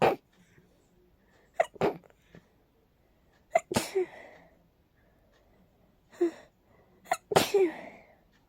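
A run of about six sharp, explosive sneezes in quick succession, some with a short breath beforehand; a sneezing fit linked to allergies.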